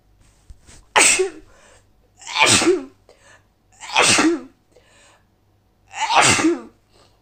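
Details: Woman with a cold gives four forceful, wet sneezes about every one and a half seconds, each a sharp explosive release with a voiced tail: repeated sneezing.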